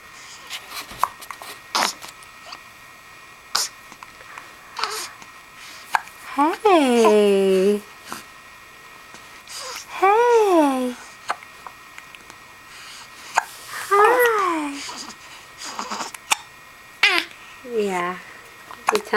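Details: Young child with hiccups, reportedly daily or even hourly: repeated short, sharp hiccups, about sixteen a minute, with whiny sliding vocal sounds and moans between.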